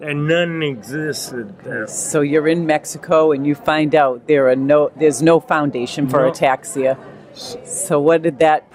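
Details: Adult man speaking; normal speech.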